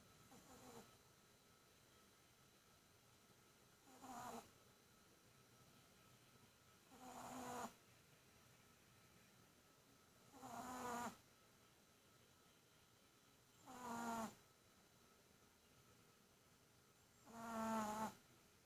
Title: snoring chi